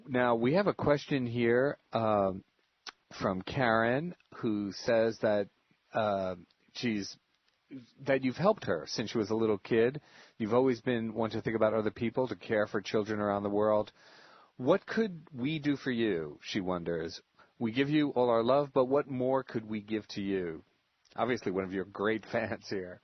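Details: Adult male interviewer; Normal speech.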